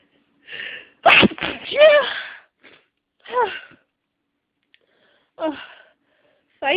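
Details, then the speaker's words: Person with nasal congestion and a tickle in the nose, struggling with a stuck sneeze: strained, drawn-out build-up with gasps, then one loud sneeze and a few shorter breathy exhalations. "It's making me want to sneeze. But it's not quite there."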